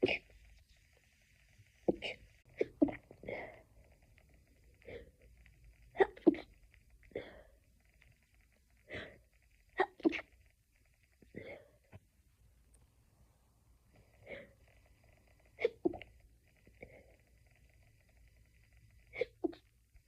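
Repeated short, muffled bursts through the nose and mouth, about a dozen in twenty seconds, typical of stifled sneezes held back in a sneezing fit.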